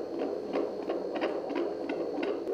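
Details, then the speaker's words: Prenatal Doppler exam of a baby at 37 weeks of pregnancy; rapid, regular whooshing pulses with steady rhythm; normal fetal heartbeat. "e um dos momentos mais emocionantes o som do batimento cardíaco do bebê"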